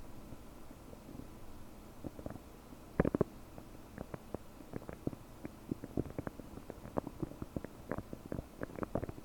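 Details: Loud borborygmi about 9 hours after eating 30 prunes, recorded with a desktop microphone: frequent bubbly gurgles and short pops from a bloated belly.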